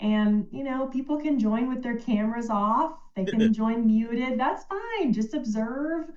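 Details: Adult woman speaking; no disorder.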